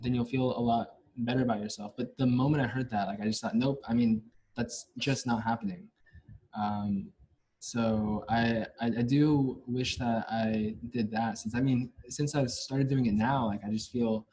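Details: Stuttering in a male senior university student, present since about age five or six, with blocks and getting stuck on sounds; his biological father and maternal grandfather also stutter.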